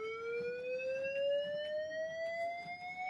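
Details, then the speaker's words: Manual defibrillator charging during cardiac arrest resuscitation: steady electronic whine rising in pitch; patient in asystole, so the shock is then dumped. "So I'll get you to press charge. I'll press charge as well."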